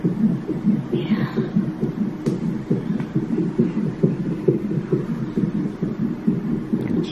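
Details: Rapid, regular whooshing thumps from a Doppler monitor at about 136 a minute during labour induction at 37 weeks, mother with gestational hypertension: fetal heartbeat.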